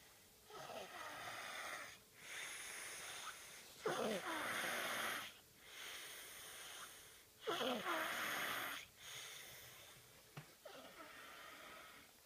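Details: Dayton snoring in sleep: about five breathing cycles in twelve seconds, each with a whistling, wheezy edge; noisy snoring.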